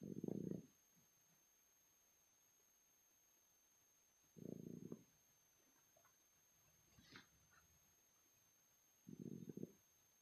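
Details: Snoring during sleep: three low, rough snores, one roughly every four to five seconds, in a quiet room.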